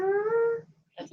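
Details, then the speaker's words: Vocal imitation of a myotonic discharge on EMG: a sung tone swelling and fading in crescendo-decrescendo, the 'dive bomber' sound, heard from beginning to end, unlike a complex repetitive discharge. "The diving bob. They So call it. it's like a crescendo, decrescendo, and you'll hear it from beginning to end"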